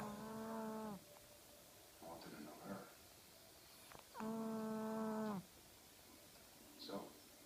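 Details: A sleeping Shih Tzu dog, which sleeps most of the day and night, snores loudly with drawn-out tonal, moaning snores and softer snorts between them; snoring.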